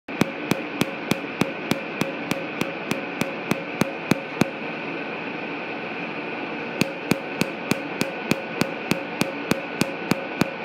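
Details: Sharp regular snapping clicks, about 200 a minute, over a steady machine hum with a pause midway: laser pulses during tattoo removal at a dermatology clinic.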